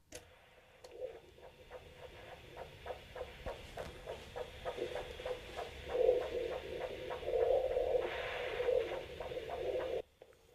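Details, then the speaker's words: Cat's arterial pulse heard by Doppler probe over gel on a clipped area before cuff blood pressure measurement, in a quiet exam room at a cat-only practice: rapid rhythmic whooshing pulses over hiss, roughly 200 a minute; normal arterial signal. "turn the machine on and now I am immediately hearing the arterial sound because the headphones are plugged in the cat cannot hear these sounds but I'm going to take it them loose so that you'll be able to hear what I'm hearing"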